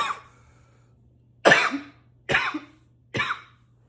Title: 7 - intense coughs